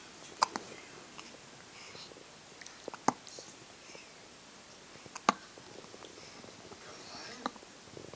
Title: Cutest Hiccups Ever